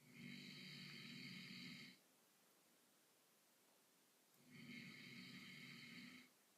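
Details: Two long, loud, rattling inhaled snores with quiet pauses between them from an adult man sleeping after a long day at work: typical heavy snoring.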